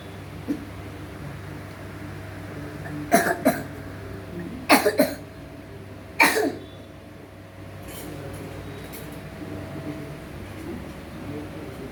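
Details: Three short dry coughs, some in quick pairs, over a steady hum, from a boy of about 12 with an allergic cough lasting about 10 years.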